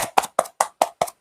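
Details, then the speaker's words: Chest percussion device used after cochlear implant surgery to loosen settled mucus: rapid, even, hollow tapping, about five per second, pressed around the ribs, lower stomach and back. "you know, kind of press on your chest. Okay. Want to make sure I was still on. just to press on your chest around your ribs, your lower stomach, I mean on down to your stomach, your back area so they can move that mucus around."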